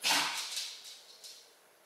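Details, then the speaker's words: A dog with heart disease, on heart medication every 8 hours, coughs when excited or running: one sharp, harsh cough followed by a few fainter hacks. "Chyba ona zapomina, że ma problemy z sercem. Zaczyna biegać i wtedy dostaje kaszel."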